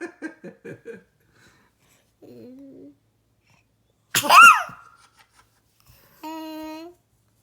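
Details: A young child trying to sneeze: a few short playful vocal bursts and a hum, then one sharp, forced sneeze-like burst and a sustained voiced tone; an imitated sneeze.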